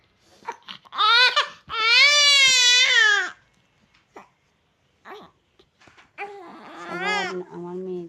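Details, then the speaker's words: Infant girl crying loudly in several high-pitched wailing bursts separated by short pauses and small whimpers; she is sleepy and cries before falling asleep. "আমার baby loudly crying দিচ্ছে। অনেক মমতা নিয়ে ও কানতেছে।"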